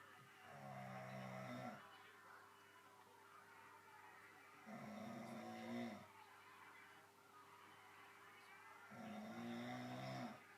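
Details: Adult father snoring after a 10-hour workday, asleep, with his baby listening worriedly: loud, rattling snores recur about every four seconds, roughly 14 a minute, over a quiet room hum.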